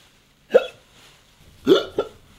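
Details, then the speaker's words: Three sharp, abrupt voiced gulps in quick succession, acted by a man in a comedy sketch after holding his breath fails to stop them; simulated hiccups. "look man why don't you try to scare the hiccups out of me try to scare me man"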